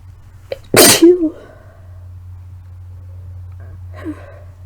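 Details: Person sick with suspected flu or cold (sore throat, earlier fever, lightheaded, heavy blood-tinged mucus): one loud explosive sneeze with a short breathy intake before it and a wet, congested quality.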